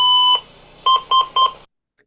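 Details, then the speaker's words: Simulation on a monitor-defibrillator app with combo pads and ECG electrodes applied: a long steady beep then three short beeps as the transcutaneous pacemaker is switched on, set at rate 60 and 5 mA, later showing loss of capture. "so I have put the quick combo pads on I have put the ECG electrodes on and I am going to come and I'm going to turn my pacemaker on"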